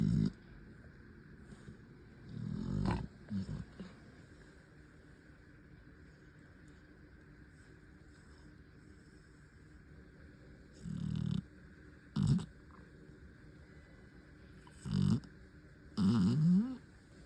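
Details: Loud snoring: deep, rough, low snorting snores recurring irregularly, some with a groaning rise in pitch, over a quiet hum.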